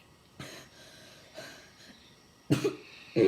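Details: About four short, dry coughs at irregular intervals, the first two soft and the last two loud and harsh: a repetitive chronic non-productive habit cough in a child, recorded during Weinberger habit cough cessation therapy.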